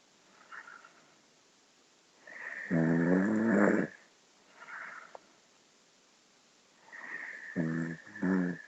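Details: Snoring: loud, buzzing, vibrating snores on breathing in, with softer whistly sounds on breathing out, in a quiet room.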